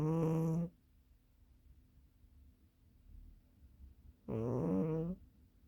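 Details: Sleeping cat snoring: two buzzing, rattly snores about four seconds apart with near-silence between.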